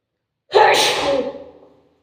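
A single forceful sneeze: a sudden explosive burst of air that trails off over about a second.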